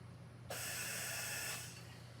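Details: Mallard 2800 anesthesia ventilator at a 1-second inspiratory time: a single rushing one-second hiss as the bellows push a breath, over a low machine hum.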